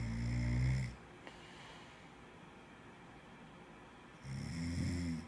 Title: Ur snoring